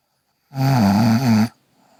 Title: Snoring Girl